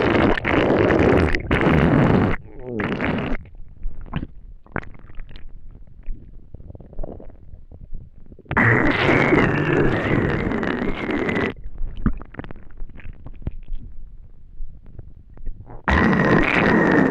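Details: Loud gurgling and rumbling bowel sounds from an empty stomach after not eating for a day; ordinary hunger stomach growling (borborygmi).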